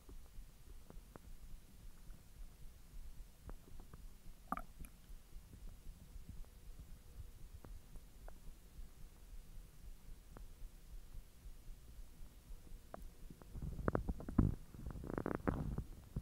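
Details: Bowel sounds recorded after eating hotdogs following 10 hours with a completely empty stomach: quiet, irregular gurgles and squelches building to a louder rumbling burst near the end.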